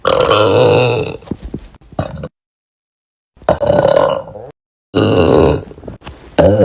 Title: TikTok Girl Burp Compilation & Best Moments PT.6